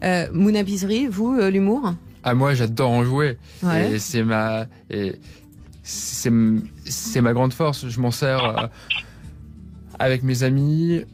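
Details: Stuttering in a young adult man who describes his stutter as having been very severe; pauses and repetitions are heard.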